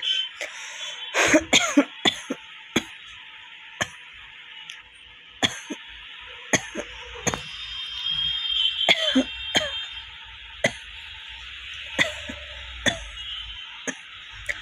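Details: Self-recorded dry cough, which the cougher attributes to stomach heat or gas, with no cold: repeated short, dry, hacking coughs at irregular intervals without rattling phlegm, over a steady room hum.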